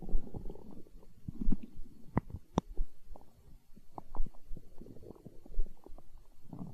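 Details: Hunger stomach growling recorded close-miked for ASMR: soft low gurgles and rumbling with bubbly pops, normal bowel sounds (borborygmi).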